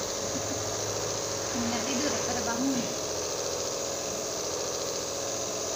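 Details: Nebulizer treatment for flu and a cough that won't go away: steady mechanical hum and buzz of the running compressor, brief murmur of speech in background.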